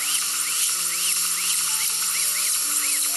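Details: Dental drill with water spray sectioning an infected wisdom tooth (left third molar) for extraction, patient with a week of trouble, nitrous oxide offered: steady high-pitched whine with faint background music.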